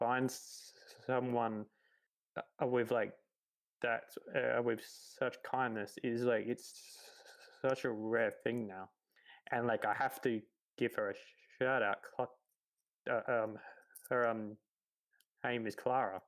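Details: 28-year-old man who has stuttered his whole life, since about age three; stuttering.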